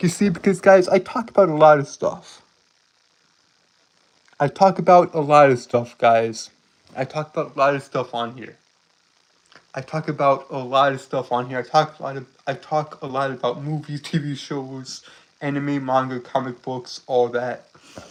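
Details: Male streamer with a self-described speech impediment he calls a nightmare; repeated words and phrases; stuttering (phrase repetitions).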